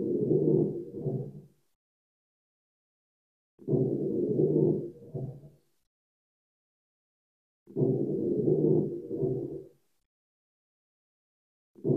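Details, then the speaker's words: Lung crackles heard on auscultation, usually at the lung bases, from air passing through built-up fluid or mucus: crackling, popping breaths at about 15 per minute. "crackles are kind of like pretations I wanted toid basically any sort of fluid or mucus built UPS hear that craing sound as passes through that fluid orc area you can hear these in spots usually in the"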